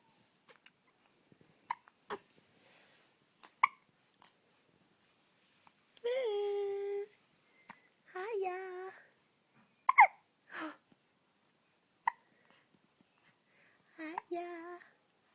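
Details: 1-month-old baby boy with hiccups: quiet, brief, sharp catches recurring at irregular intervals between soft cooing and fussing; infant hiccups.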